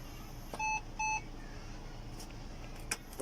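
Two short electronic beeps over room noise: a ventilator in CPR mode prompting the rescuer to deliver manual breaths after 30 compressions.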